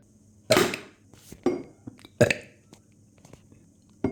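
Three loud, rough, throaty bursts with short gaps and faint room noise: repeated burps.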